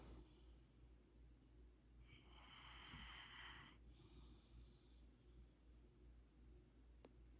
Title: Rottweiler - Snoring. Not Dangerous He loves to grab your shirt and go take a nap with it.